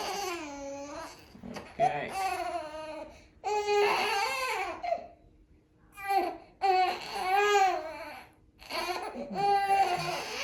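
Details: Infant girl under gentle pediatric chiropractic care for hip imbalance and postural strain, with physical therapy just started, crying in repeated high-pitched, wavering bouts with short breaths and pauses; a plain baby cry in a quiet room.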